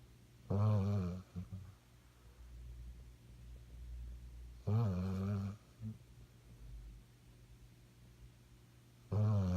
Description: My 7mo old Lab having a well deserved nap (and snore) after our run this morning.